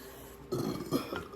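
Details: Person burping in a compilation: two short, low, rumbling voiced burps in a quiet room.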